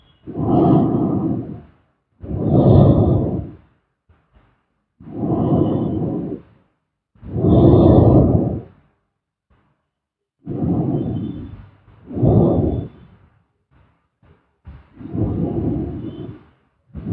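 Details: Snoring during sleep: deep, rough breathing sounds in paired in-and-out bursts, about 12 breaths a minute, with silence between.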